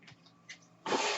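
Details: Quiet mechanical ticks, then a sudden steady rushing whoosh of air as the speaker's own mechanical ventilator delivers a breath while he introduces his podcast.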